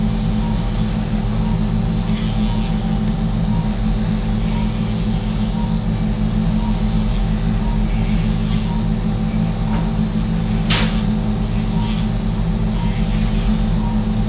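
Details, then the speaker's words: Arthroscopic burr entering from the lateral side of a right shoulder, camera posterior, shaving the acromion during subacromial decompression: loud constant high-pitched whine over a low motor drone. "so the bur's coming in from the lateral side of your shoulder the camera's looking from the"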